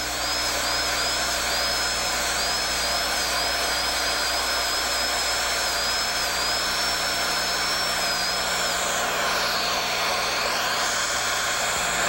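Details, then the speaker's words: High-speed dental handpiece cutting tooth, bevelling and rounding line angles while preparing a mandibular left second primary molar with gross caries for a stainless steel crown, under rubber dam: steady high whine wavering with light strokes, then winding down. "Then return to the buccal and, with the burr nearly perpendicular, use the tip to remove the sharp angle at the gingival border of the bevel."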